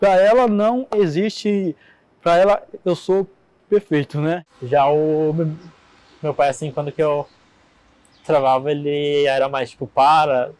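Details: Adult man who stutters, with audible repetitions in his speech.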